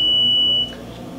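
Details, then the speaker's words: Power-on of a 10 lpm two-person oxygen concentrator with a bagged mask attached to the green christmas-tree adapter: a single short high beep, then low machine hum, showing the unit has power. "we're then going to remove our bagged mask from the bag and attach that to the green christmas tree power on the unit"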